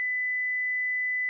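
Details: Simulated tinnitus: a phantom ringing, buzzing, whistling or purring noise heard in the ears or head, which may be temporary or permanent.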